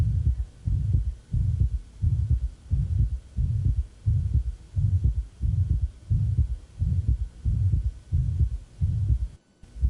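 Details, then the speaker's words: Acute severe mitral regurgitation in a female patient in pulmonary edema with crackles and a thrusting precordium: high-frequency holosystolic murmur near the apex at about 85 a minute, reaching maximum intensity. "now we hear the murmur holosystolic high frequency we're not quite to the apex and it's reached its maximum intensity"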